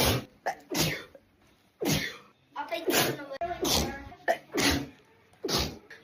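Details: Sneeze compilation: several sharp, explosive bursts of air with brief voiced onsets, a series of sneezes.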